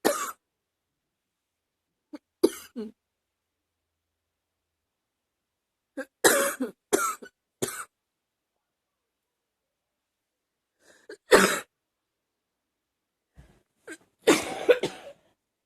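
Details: An adult coughs repeatedly in short bouts, a deep chesty cough that keeps returning and is getting hard to stop.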